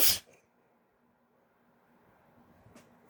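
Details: Woman sneezing while intoxicated (high), breathy build-up sneezes: a single sharp, forceful sneeze burst at the start, then a quiet room with faint breathing.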